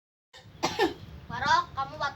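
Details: A child gives a couple of short, deliberate coughs for a cough-medicine advert role-play, acted rather than real, followed by brief voiced sounds.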